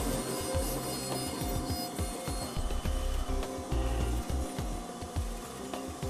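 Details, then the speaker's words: CEREC CAD/CAM dental milling machine, burrs cutting a VITA Mark II porcelain block from outside and inside at once with cooling flow; grinding, scraping noise with irregular clicks, soft music behind. "The milling burrs work from both the outside and the inside of the restoration at the same time."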